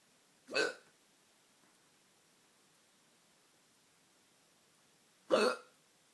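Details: Late-night hiccups: two abrupt, sharp hiccups about five seconds apart, with quiet between them.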